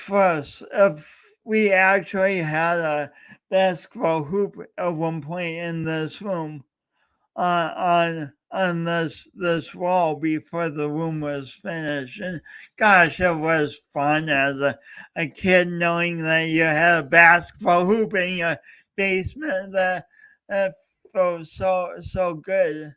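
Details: Real speech impediment with disfluent speech in a male speaker coached for years, heard during a three-hour live talk-a-thon he set as a challenge for his own voice.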